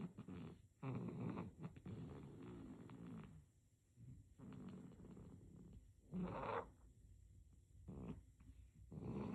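Rhythmic rattling snores on each breath from a sleeping baby, about four breaths across nine seconds, with soft room noise.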